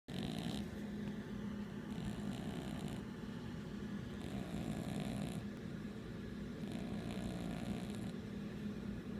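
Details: Steady low rumbling breathing with soft rhythmic snores, about four breaths in nine seconds, from Trooper, a pet cat fallen asleep; ordinary snoring getting quite loud.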